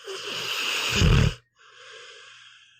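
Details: Sleeping pit bull snoring: a low, rattling snore on the breath in, then a softer, wheezy breath out.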